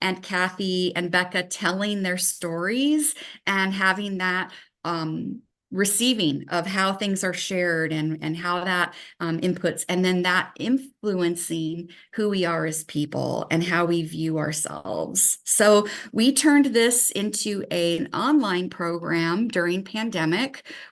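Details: Adult woman speaking; no disorder.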